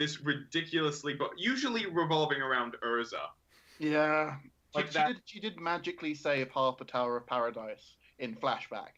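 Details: Adult man speaking; ordinary speech.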